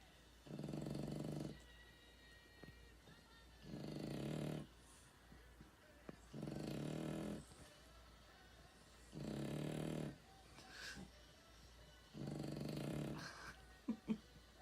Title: Bentley wins the snoring contest (October 2018)